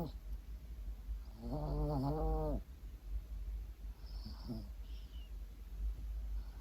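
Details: An 8-year-old male Maltese dog sleeps pressed against his owner and gives a drawn-out, tonal snoring groan, then a shorter snort, over a low steady rumble: snoring.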